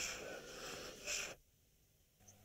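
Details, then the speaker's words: Child breathing out with a high, whistling, musical expiratory wheeze, contrasted with stridor, in a check of breathing for general danger signs. "atau terdengar suara-suara lain ketika anak menghbuskan napas atau seperti wiing atau mengi"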